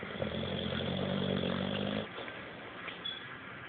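A rough, buzzing breath sound lasting about two seconds, then quieter breathing with room hiss: snoring.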